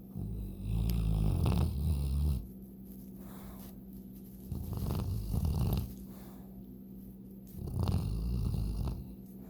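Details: Sleeping dog snoring through its nose: deep, rumbling snores with each breath, about three in ten seconds, roughly twenty breaths a minute.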